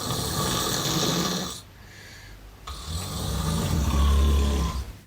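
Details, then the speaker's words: Adult's snoring clip replayed on a podcast: loud, low rumbling snore on inhalation, brief quiet pause, then another coarse snore building in strength. "you might remember in the last episode that you played out a clip of me snoring how could I forget"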